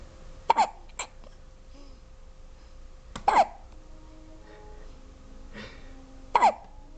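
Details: Twin infant girls alternating hiccups: three abrupt, sharp little catches in the breath, about 20 a minute, with soft room noise.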